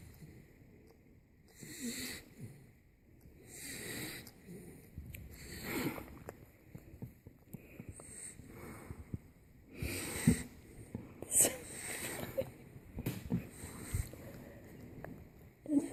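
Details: 10-week-old Boxer puppy snoring while asleep, also appearing to suckle: noisy, wheezy snoring breaths about 30 a minute, with occasional snorts and sniffs.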